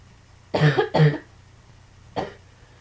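Two quick harsh coughs back to back, then a third after a short pause.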